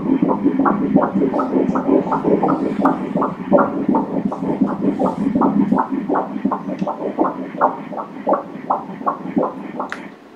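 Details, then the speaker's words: Fetal heartbeat on Doppler during a 13-week pregnancy ultrasound of a second child: rapid, regular whooshing pulses at 164 beats per minute, a normal fetal rate. "the heart beating here let's hear the baby's heart beating"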